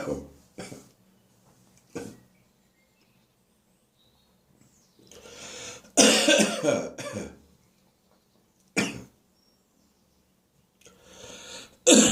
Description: I've caught a Spring upper respiratory infection with has given me a sore throat for several days and is now developing into a head cold and a sharp staccato barking cough.